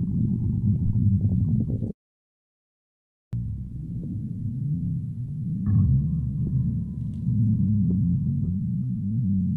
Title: Stomach Sound [Stomach Growling][ASMR] [2022-12-01]